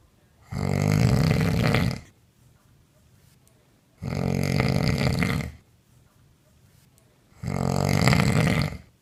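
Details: Woman's heavy snoring during sleep, recorded by partner on a mobile phone: very loud, harsh snores, three in nine seconds, each over a second with quiet breaths between.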